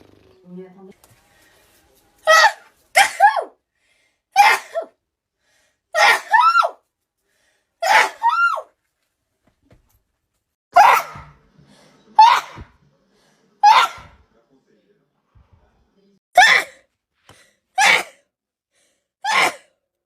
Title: Uncontrollable snotty sneezing fits